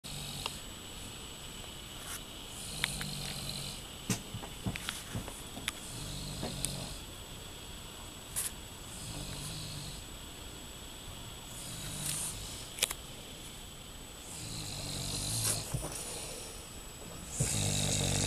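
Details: A young boy and his father both snoring together: repeated low rattling snores roughly every two seconds, with clicks and rustling in the background.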